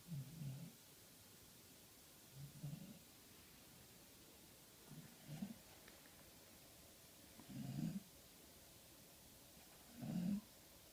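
Soft, low snores recurring about every two to three seconds in a quiet room, five snores in all.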